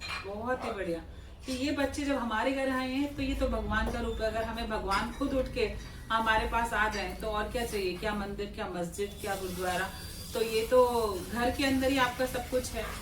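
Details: Adult speaker, Hindi; ordinary speech.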